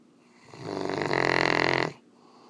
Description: Take a wild guess who can snore this loud!!!